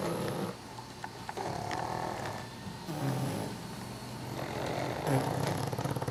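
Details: Ten pugs asleep together on a couch: overlapping rumbling and snorting snores from the small dogs, uneven in rhythm.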